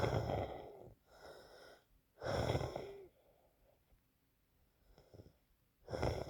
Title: I and wheezing